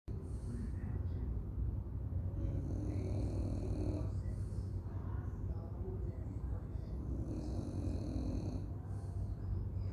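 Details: A dog named Blu snoring with a low, rumbling, rattly sound through two slow breath cycles over a steady low background hum.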